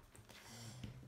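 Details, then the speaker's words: Dog snoring while asleep in a small room: quiet, low rumbling snore with a brief snort; snoring. "si vous entendez ronfler vous inquiétez pas c'est mon chien"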